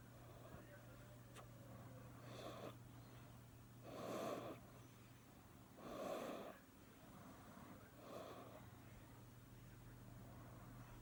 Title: Cat snores 😴🤭😄